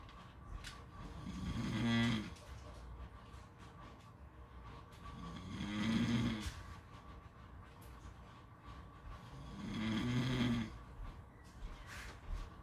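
Rhythmic vibrating snores on each breath, about 14 a minute, over steady background noise; snoring.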